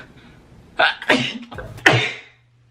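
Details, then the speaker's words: A woman piercing her own nose sneezes two or three times in quick succession, with explosive, hissing bursts and a quick breath between. She says she feels another sneeze coming. "Oh, fuck me. Okay. Okay. I feel like I have to sneeze again. This isn't good."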